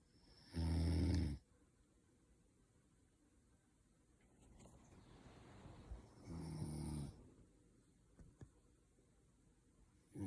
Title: snoring noise